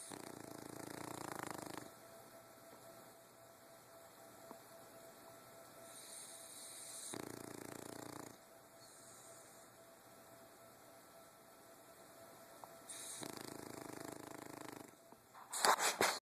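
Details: A small dog snoring loudly in sleep: three loud, rasping snores about six seconds apart, roughly ten breaths a minute, over faint steady background tones.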